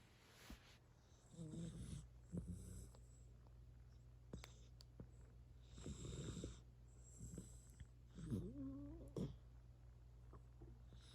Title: A Three Month Old Yellow Labrador Retriever Snores Like Hooman 💤